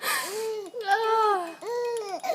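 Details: Baby boy laughing at sneezes: high, voiced squealing bursts rising and falling in pitch, rhythmic like laughter, not crying; infant laughter.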